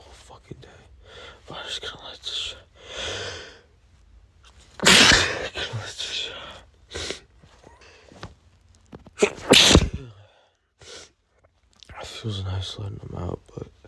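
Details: Adult male with pollen allergy and congestion, nose burning: two forceful sneezes with sniffing, sighs and gasping breaths between them, in a run of allergy sneezing.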